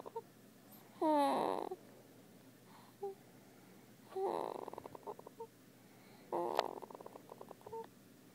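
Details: Snoring: three rough, fluttering breath sounds a few seconds apart, each trailing into soft rattles, in a quiet room.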